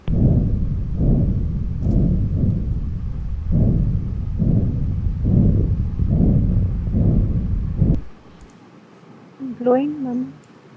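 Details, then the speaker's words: Arteriovenous fistula auscultated in a chronic kidney disease teaching case: continuous low whooshing that swells with each pulse, about 70 a minute, with no separate heart sounds heard; AV fistula bruit. "तो जब आप इस एवी fistula को auscultate करते हैं आपको ये सुनाई देता है।"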